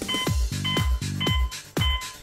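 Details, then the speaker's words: Regular electronic beep tones from an Isis PRO automated external defibrillator with ECG display, pacing chest compression rate during CPR after a shock, with low thumps between. "the esis Beeps in order to help establish the right frequency of CPR compression and display the time remaining until the next cycle on the"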